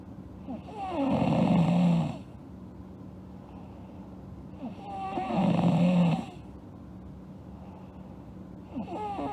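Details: Sleeping girl snoring: loud, rough snores on each inspiration, about 15 per minute, with quiet pauses between.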